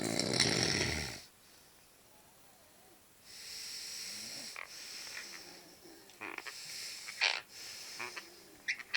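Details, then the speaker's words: Adult man grinding his teeth in his sleep (sleep bruxism): brief, gritty scraping and crunching bursts, described as blackboard-like. "I think going to start jaring again in a minute he'll crunch his teeth get it in the most Blackboard type of way let's"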